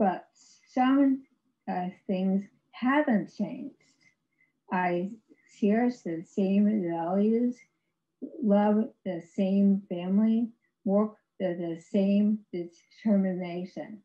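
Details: Aphasia in an adult woman after a severe stroke in 2010, about 11 years earlier, with right-sided paralysis; she had no speech for three years and her speech remains really difficult.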